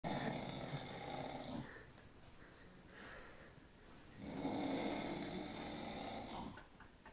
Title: snoring champion